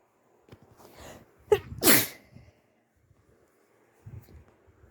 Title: Sniffly sneezes at the end of a flu. 🤧